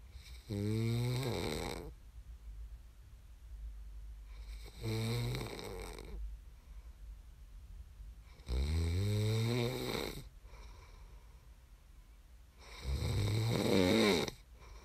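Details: Loud rattling snores on each in-breath, four over about fifteen seconds, with quiet breathing between; ordinary heavy snoring.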